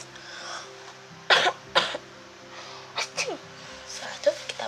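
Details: Acted cough-etiquette demonstration by an Indonesian child during COVID-19: two short coughs into a disposable tissue, then a few softer coughs, with faint music; shows covering a cough when no mask is available.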